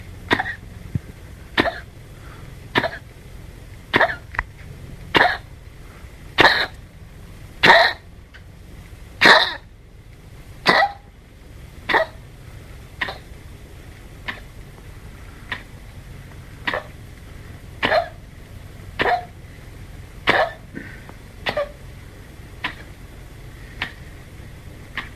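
A small dog gives a long run of short, dry, hacking coughs, about twenty in under half a minute.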